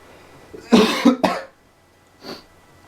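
Two harsh back-to-back coughs, then a softer breathy sound, in a quiet room: coughing after snorting pepper.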